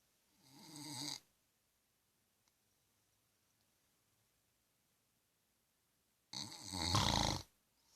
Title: Meu pai roncando